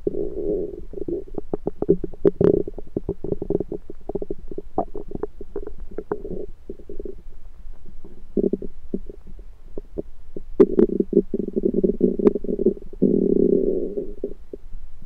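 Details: Self-recorded with a USB stethoscope over the belly: continuous gurgling, bubbling rumbles with runs of rapid pops and longer low growls, ordinary active bowel sounds (borborygmi).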